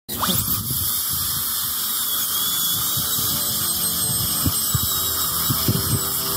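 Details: Steady high-pitched whine of a dental high-speed handpiece drilling during cavity treatment for a composite (aesthetic) filling, with light background music.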